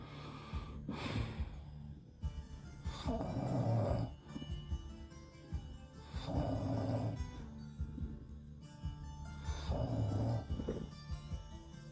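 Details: Husband snoring in sleep: deep, rumbling snores repeating every three to four seconds, about 17 a minute, over soft background music.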